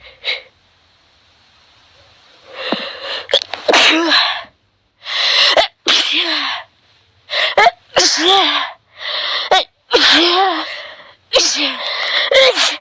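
A run of about six or seven loud, explosive sneezes in quick succession, some with a voiced tail; repeated sneezing as with allergy.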